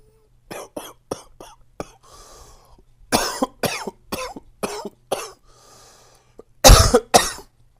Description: Fresh and new coughing from my current cold.